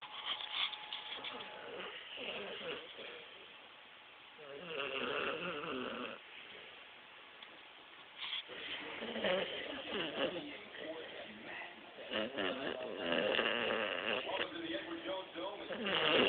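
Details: Repeated rough, rattling snores with breathy gaps from a sleeping animal, recorded on a muffled, tinny phone; snoring.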